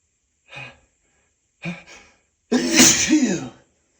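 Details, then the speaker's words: Man in a sneezing fit he says he can't stop, with wet sneezes: two short inward gasps, then one forceful, spraying sneeze. "I'm gonna sneeze again. I can just feel it. I feel it building and building."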